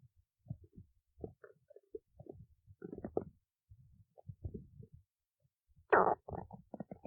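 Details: Stomach growling in someone awake since 1:25 am; irregular gurgles and rumbling bursts with one loud growl, ordinary borborygmi from gas and fluid moving through the gut.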